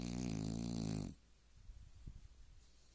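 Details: Dog snoring: one loud rattling snore, then quiet breathing with faint low snuffles.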